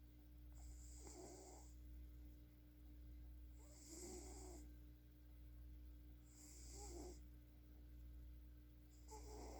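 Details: Snoring while asleep and dreaming: soft rhythmic snores, one per breath at about 21 breaths a minute, over a steady low electrical hum.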